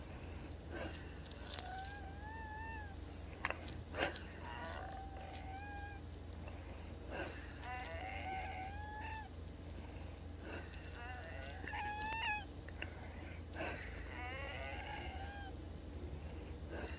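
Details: Wheezing: repeated high, whistling musical tones with each breath, about 18 breaths a minute.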